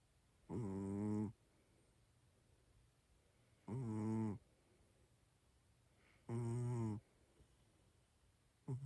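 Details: A male cat fast asleep, snoring and twitching as if dreaming: deep, buzzing snores on each breath, about 23 a minute, with quiet pauses between, over some static noise; ordinary snoring.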